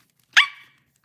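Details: Girl with Tourette syndrome during a livestream; one sudden, high-pitched yelp like a small dog's bark, her barking vocal tic, which she says is always high-pitched, never deep.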